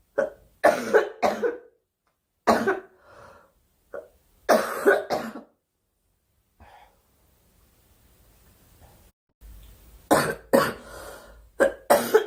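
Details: A girl, who says she is sick and wants the coughing to stop, gives repeated harsh coughs in clusters of two or three, about a dozen, with a quiet pause between bouts; cough.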